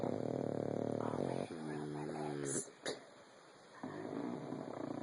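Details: Sleeping flat-faced dog snoring: loud rattling, snorting snore breaths with fluttering, noisy airflow on each breath.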